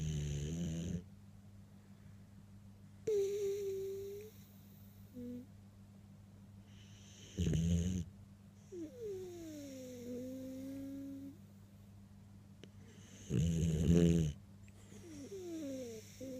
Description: Bailey the Cockerpoo snoring on Sunday evening